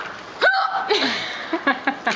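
A sudden sharp voiced gulp followed by short catches and light laughter; a hiccup.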